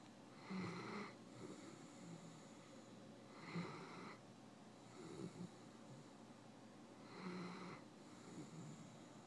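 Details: Snoring in a dog napping on a couch: slow, regular rattling snores with whistling overtones, roughly 20 a minute, in a quiet room.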